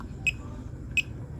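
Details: Two short high beeps about 0.7 seconds apart over quiet room hum from a fingertip pulse oximeter beeping once per detected heartbeat, about 80 a minute, with readings of 77–79 bpm while being compared with a smartwatch heart rate monitor.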